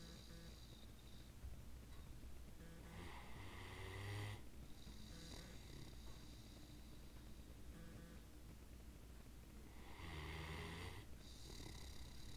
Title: Saber Snoring and Drooling....